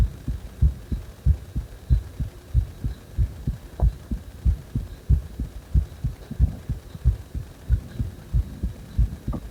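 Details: Regular low heartbeat at about 94 per minute with a soft breathing rush beneath it; normal heart sounds with prominent breath sounds.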